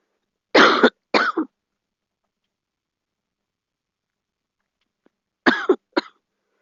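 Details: Two pairs of short, dry coughs from a girl separated by a few seconds of silence.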